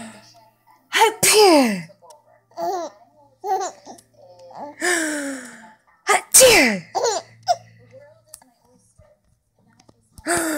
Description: 3 month old thinks it's funny when mommy sneezes